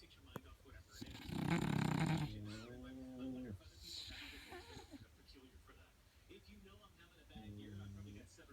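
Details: Sleeping Bully dog snoring: quiet, droning snores with a buzzing, rattly quality on each breath through the nose and throat.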